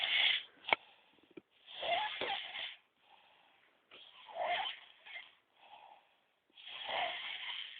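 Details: Strong snoring during sleep: loud, harsh, rattling breath noises in repeated cycles with short pauses.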